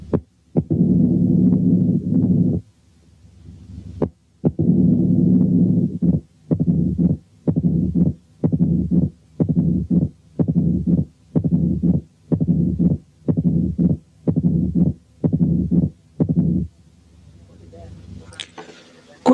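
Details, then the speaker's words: Simulated mitral stenosis with all findings (loud S1, opening snap, mid-diastolic murmur, presystolic accentuation), slowed as if the heart rate were 15/min and then gradually speeding up. "كمان زيادة في التأكيد هنسمع حالة تانية فيها كل الفايندنجز دي بس بالسرعة البطيئة كما لو كانت الهارت ريت 15 في الدقيقة، وبعدين هتزيد بالتدريج."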